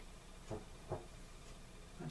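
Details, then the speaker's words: Faint, low snoring from a resting female dog, a few soft rumbles over steady room hiss. "dog snoring you can hear her okay"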